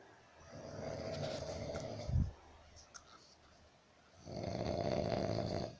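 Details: Roommate snoring while asleep: two long, loud, rattling snores on inhalation separated by a quieter pause, faint room noise; heavy snoring.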